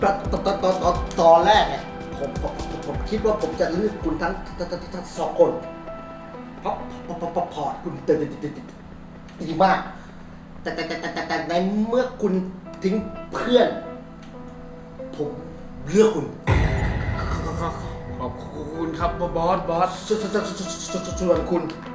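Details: Acted stuttering in a Thai short film: the stuttering character speaks with word repetitions before a job interview; stuttering (acted).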